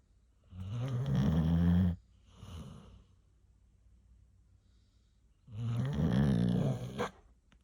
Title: She probably belongs in the “horn” section… 😉🤪 #lifewithdogs #snore